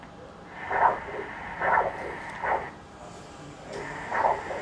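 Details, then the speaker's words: Pre-AV fistula vascular assessment for dialysis access: arterial Doppler flow signal from the distal subclavian artery, probe placed below the clavicle, measuring peak systolic velocity; the subclavian vein lies alongside. "so this is the subclavian artery this is the subclavian vein distal part so i will do the doppler of this and see the peak systolic velocity"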